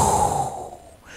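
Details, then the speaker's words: Voiced imitation of a soft, blowing, fading diastolic aortic regurgitation murmur, as heard in a patient with chest pain radiating to the back, where a suddenly leaky aortic valve signals an aortic dissection needing emergency surgery. "a leaky valve that suddenly occurred that's the clue or the tell-tale sign of a tear or a dissection of the aorta that needs emergency surgery or their life could be gone within an hour"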